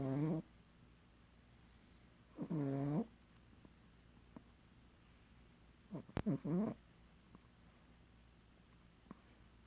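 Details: Sleeping pug with three loud, rough, vibrating snores spaced several seconds apart and quiet breathing between them; snoring.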